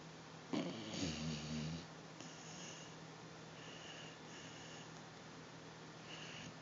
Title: Basset Hound Snoring!